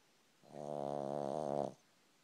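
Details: Pug snoring while lying on owner's foot: a single buzzing, vibrating snore just over a second long in a quiet room.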